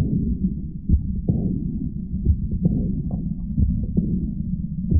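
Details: Aortic regurgitation, one of the 'Big Four' murmurs: low heart sounds at about 45 per minute with a soft blowing diastolic murmur after each second sound.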